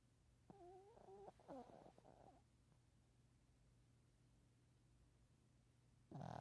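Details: Sleeping Shih Tzu dog: a squeaky, whistling snore, then a long quiet pause before another breath noise; dog snoring.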